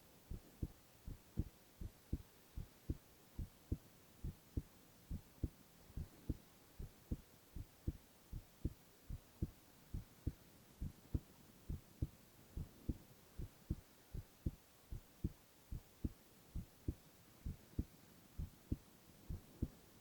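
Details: Young man's heartbeat recorded for ASMR with no talking: steady, regular paired lub-dub heart sounds at about 70 beats per minute.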